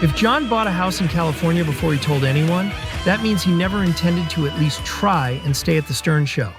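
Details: Adult male speaker; normal speech.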